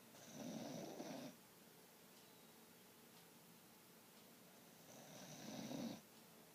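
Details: Two long, rattling snores about five seconds apart, with quiet room noise between; snoring in sleep.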